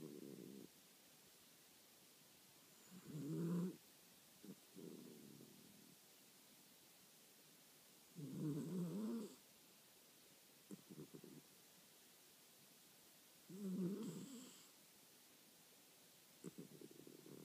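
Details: Sleeping animal with soft snoring snorts recurring about every five seconds, quieter breaths between; snoring.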